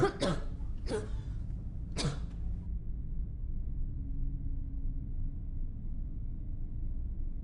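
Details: Four short, harsh cough bursts within two seconds, then low room hum; an acted cough.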